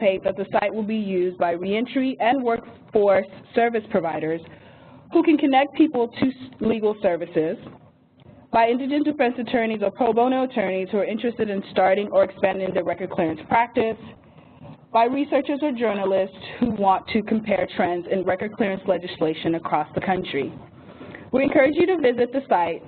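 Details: Adult woman speaking; Normal voice.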